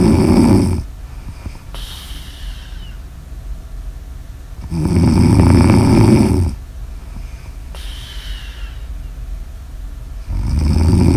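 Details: Snoring ASMR audio recording: loud rattling snores alternating with airy hissing exhales, about three cycles in 11 seconds.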